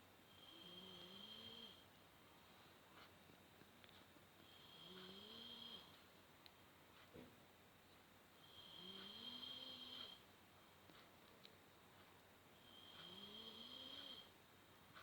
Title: Snoring can be a little annoying.